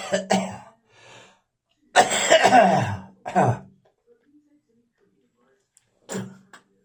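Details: Several harsh, wet adult coughs and throat clearing with spitting, lingering after a viral illness: post-viral cough.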